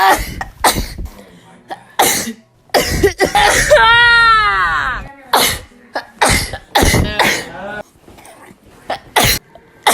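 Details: Person's repeated sneezing: a run of sharp explosive bursts with a drawn-out voiced inhale partway through, then more bursts; sneezing.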